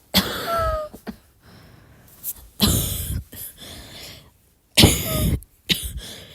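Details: Dry cough from a sick young woman: about five short, harsh, dry coughs in bouts, with no wet rattle.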